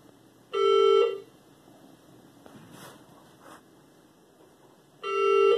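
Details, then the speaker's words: Patient monitor alarm in a hospital room during admission for very high blood pressure (203/118, 247/138 on arrival): loud half-second tonal beeps repeating about every 4.5 seconds in a quiet room. "And gonna have to excuse the beeping in the background."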